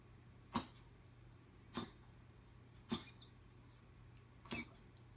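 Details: Dog whose owner suspects congestive heart failure: four short, dry, hacking coughs about a second apart over a quiet room hum.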